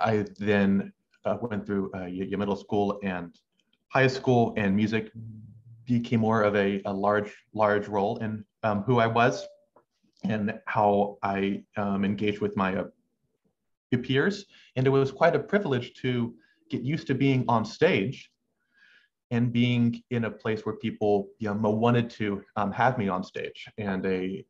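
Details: Adult male medical student who has stuttered since about age six, with uncontrollable pauses and a halting cadence; stuttering.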